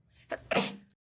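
A quick intake of breath, then a single sharp, airy sneeze. The sneeze is acted, not real.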